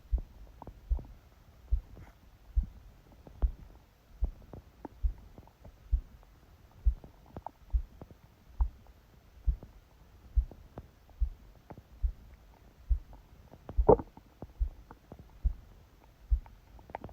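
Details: Heartbeat recorded through the abdomen during sleep with a phone held on the belly under a book's pressure: steady, dull, loud thumps at about 70 a minute, though the recorder thought it sounded fast.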